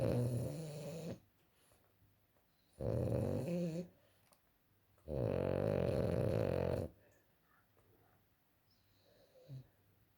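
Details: French bulldog snoring during sleep: loud, rattling snores on three long breaths with quiet pauses between, noisy upper-airway breathing.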